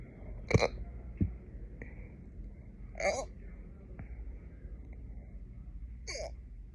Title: Late night hiccups